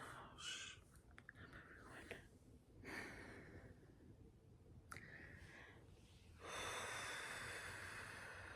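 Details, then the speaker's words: First-time mother in early, unmedicated labor, timing contractions that tighten her stomach and make her short of breath: irregular heavy breaths, gasps, sharp sniffs, then a steady rush of air; breathing through a labor contraction. "I was having a contraction and I'm still T trying to time them"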